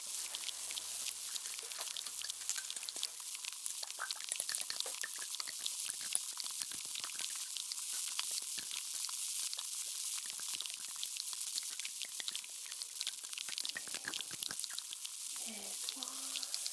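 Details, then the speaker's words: Dense, continuous fine fizzing and crackling pops as fizzy wax-softening ear drops bubble in the ear canal of a patient with ear discomfort and suspected wax, before ear cleaning; a simulated ASMR ear exam. "Here's one and two. Okay, you can hear it fizzing and grassing."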